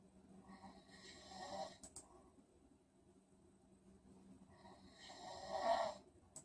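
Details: Sleeping person snoring, recorded for a sleep clinic's video on treating snoring and sleep apnea without surgery or CPAP: two soft rattling snores on inhalation separated by quiet, in a small room; snoring.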